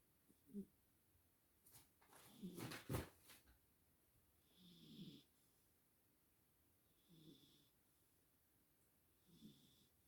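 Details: Person snoring quietly: soft, low snoring breaths every few seconds with a faint whistling tone, after a brief louder rustle.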